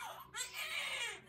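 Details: Short, high-pitched, vigorous newborn cry just after delivery of a third baby, with the cord wrapped tightly around the baby, and faint room noise.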